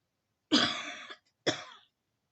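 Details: Two short, harsh cough bursts like forceful throat clearing from an adult woman with a hoarse voice after being strangled, in a quiet room.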